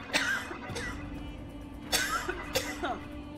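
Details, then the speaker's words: An adult recovering from a lung illness, on cough medicine, gives several brief muffled coughs turned away from the microphone during a gaming session, over steady game music. "I'm trying to aim away from the microphone as I cough here."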